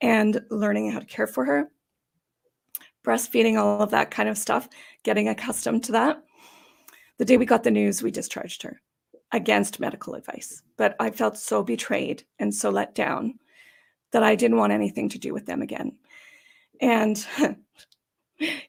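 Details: Adult woman with idiopathic subglottic stenosis for about 12–14 years, treated with repeated tracheal dilatations and surgeries; she attributes gravelly, gasping sound to the tracheal surgeries. Dysphonia (idiopathic subglottic stenosis).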